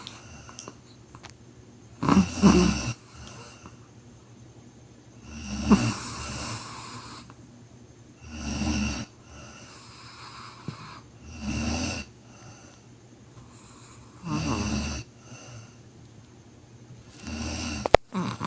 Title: Deep sleep, SNORING me 😮‍💨😴